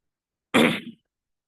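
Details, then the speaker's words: One short, harsh cough burst from an adult man who says he is unwell with a hoarse voice, abrupt and fading over about half a second: cough. "jadi Malam ini saya kurang sakit eh kurang sakit kurang sehat jadi agak pelu dan batuk suara saya agak dipdp gitu jadi ya Kita sesuaikan saja"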